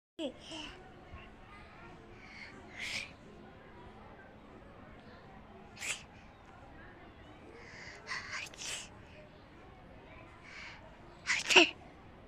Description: shararti copy his mother to sneezing and enjoy it full msti video